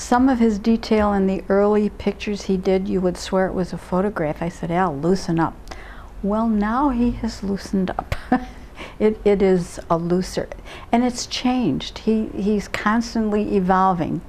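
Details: Adult woman speaking; ordinary speech.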